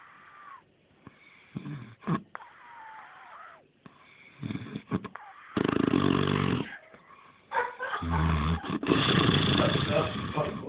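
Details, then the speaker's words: Person snoring loudly while asleep, keeping others awake: loud, rough, rattling snores on inhalation, with quieter breathing between them and some room noise. "what? You're keeping us awake when you're sleeping. We need to try and get some sleep now."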